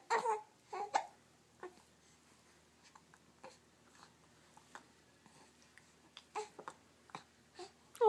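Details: Newborn baby boy with hiccups, awake and moving his hands: brief fussy cries and small vocal sounds in a quiet room, fading to scattered soft noises.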